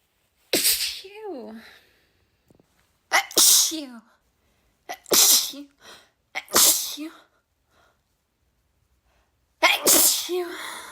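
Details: Five sharp sneezes from a girl, each a quick inhaled catch, then an explosive burst of air with a short voiced tail; ordinary sneezing.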